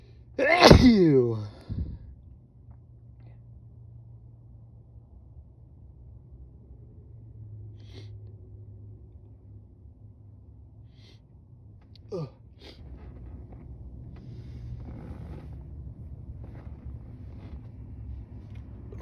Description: Induced some sneezes, very violent and harsh, felt really good.